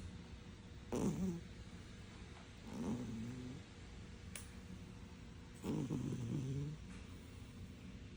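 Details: A cat snoring loudly while asleep.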